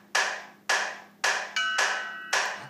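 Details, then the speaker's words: CPR metronome app demo: regular sharp clicks at 110 per minute pacing chest compressions, plus a bell tone cueing ventilation, set at 12 breaths per minute and to be lowered to 10, to avoid bagging too fast. "means it's time to bag the patient that bail is set it's currently set to twelve breaths per minute we're actually going to back it down to where soon it will be ten breaths per minute so that you know when to bag the patient so that we don't bag the patient too fast"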